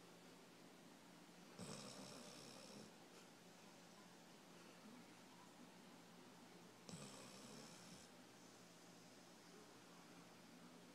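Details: Very sleepy subject snoring: two long, rough snoring breaths about five seconds apart with steady room hum between them.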